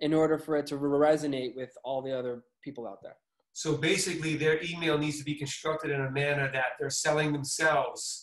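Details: Adult man speaking; typical speech.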